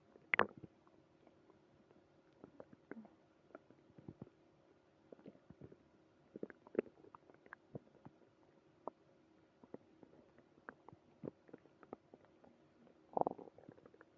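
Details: Early morning tummy trouble, quietly recorded: scattered gurgles, squelches and low rumbles from the belly; ordinary bowel sounds of stomach growling.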